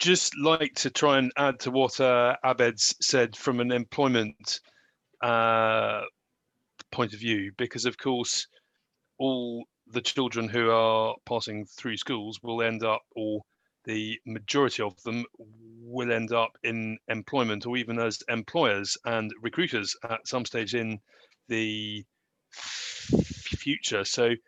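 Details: Adult man who stammers and describes his own stammer and disfluency; real, unscripted speech; stuttering.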